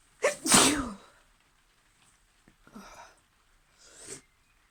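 One loud, forceful sneeze, followed by two softer sneezes or sniffs.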